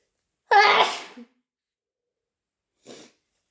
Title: Super loud, wet and harsh induced sneezes!